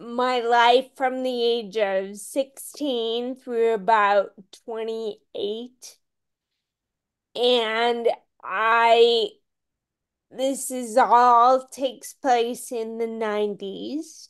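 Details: Ataxic dysarthria in a woman with Friedreich's ataxia, a rare, genetic, progressive disease diagnosed at age 16; she reports longstanding voice issues.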